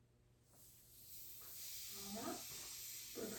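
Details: Steady hiss of air escaping a manual blood pressure cuff during deflation, with faint squeaks; orthostatic vitals on an adult male lying down, cuff pumped to about 160, reading about 118/74, taken by a student physical therapist.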